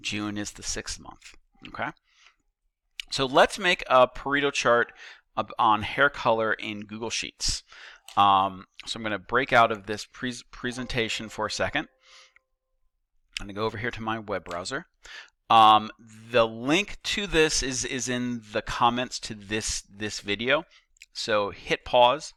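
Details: Stuttering in an adult male teacher who states he stutters; repetitions heard are his stutter, not video buffering.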